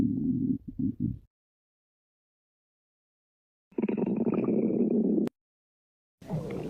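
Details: Badger with stomach growling: low, gurgling rumbles in separate bursts with silent gaps between them, typical borborygmi.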